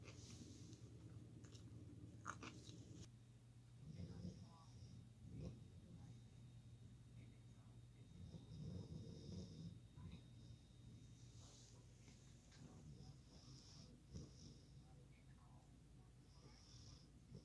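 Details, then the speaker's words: Sleeping dog snoring loudly: quiet, low rumbling bursts every few seconds over a steady room hum; snoring. "i don't know if you can hear but she's snoring so loud she's got the right idea"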